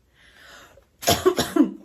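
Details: Adult woman who is currently ill, faint breathing then three or four harsh coughs in quick succession; says she couldn't sleep and mentions an inhaler ("bombinha"); cough.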